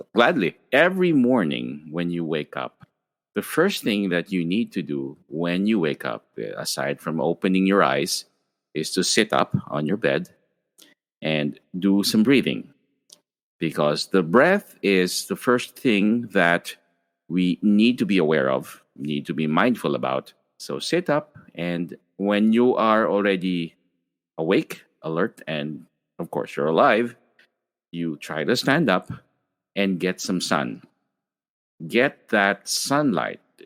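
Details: Adult speaker; normal speech.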